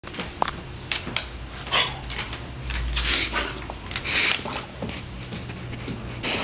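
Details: A dog makes repeated harsh, snorting pulls of air through the nose: reverse sneeze.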